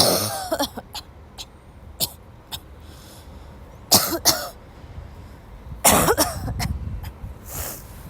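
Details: Repeated harsh, dry coughs in clusters with throat clearing between, from a sick young woman who had to leave class, traffic noise behind; coughing fit.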